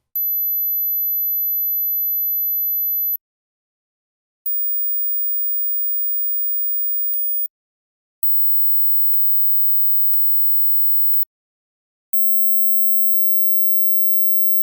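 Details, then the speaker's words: Two sustained very high-pitched pure tones above 8,000 Hz, the second higher, then faint ticks: high-frequency hearing test tones, which are lost first with age; hearing all suggests under about 20 years old. "As we grow older, we often lose the extreme ends of our hearing spectrum. So, how many of the following sounds can you hear?"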